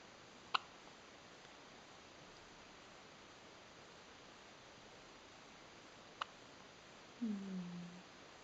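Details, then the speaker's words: Newborn girl's hiccups on day one of life: two faint, sharp hiccup clicks about six seconds apart, then a brief soft whimper over steady background hiss. " škytá."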